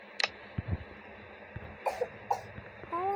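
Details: A few short, dry cough bursts in a quiet room, ending with a brief voiced sound.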